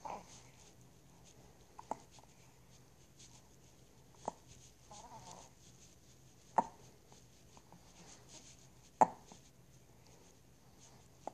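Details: Hiccups recorded with the phone held in the lips, so breathing is loud and close to the microphone: five brief, sharp hiccup clicks at roughly 25 a minute in a quiet room; ordinary hiccups.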